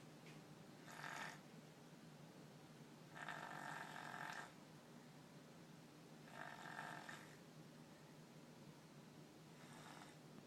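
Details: Rhythmic raspy snoring, four breathy snores over ten seconds with a steady low room hum: ordinary snoring.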